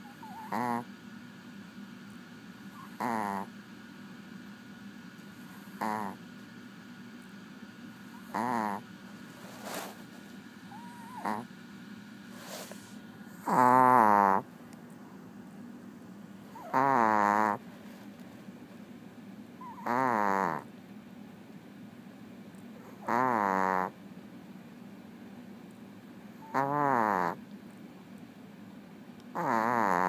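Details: Small Chihuahua snoring in a steady rhythm, about 20 breaths a minute, with loud nasal snorts; snoring.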